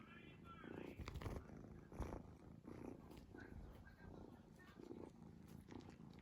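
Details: Sleeping cat snoring: soft, continuous rumbling snores with each breath; harmless snoring during sleep.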